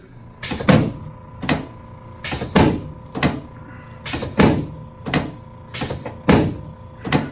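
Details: Chiropractic first adjustment of lumbar and lower thoracic facet joints in a man from Tennessee with severe hip pain who arrived with a cane, diagnosed with facet arthrosis: repeated sharp thuds and pops of joint cavitation, faint room hum.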